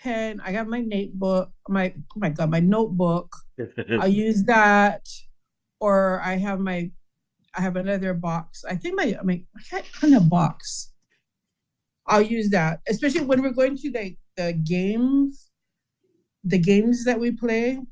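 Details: Adult male with aphasia after a stroke, often unable to find or say words and relying on pen and notebook: aphasia (word-finding difficulty).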